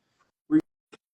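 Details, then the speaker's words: Sleeping dog snoring during a conversation: a brief honking snort with puffing out. "oh my dog's snoring can you hear him uhuh are G hear the little is that wait wait is that like puffing out yeah yeah he's doing the whm"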